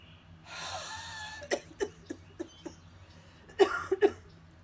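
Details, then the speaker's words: Huff-cough demonstration by a woman from the cystic fibrosis community, breathing from the diaphragm: a long open-mouthed exhaled huff, then a run of short coughs ending in two stronger, wetter spontaneous productive coughs as congestion moves. "I'm starting to feel a little movement of congestion, so this time is probably going to cause the spontaneous cough."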